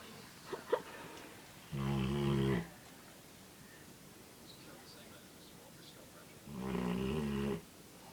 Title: Snoring Labrador